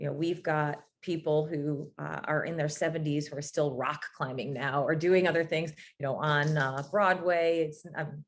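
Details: Adult speaker; normal speech.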